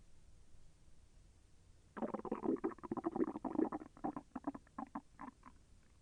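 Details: Stomach sounds during digestion, with intestinal movement felt as slightly painful: after a quiet start, a burst of gurgling, popping rumbles fades into scattered bubbles; active bowel sounds (borborygmi).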